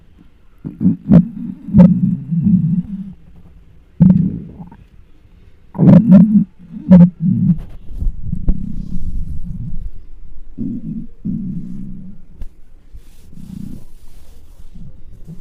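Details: Hunger stomach noises recorded with a microphone on the belly of a very large person: loud, low gurgling and rumbling in irregular bursts with quieter stretches between; normal borborygmi.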